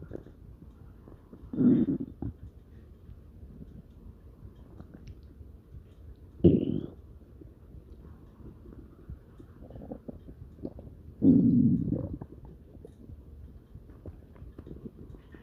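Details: Dog's stomach growling: three low gurgling rumbles, each about a second long, over faint background noise; normal borborygmi.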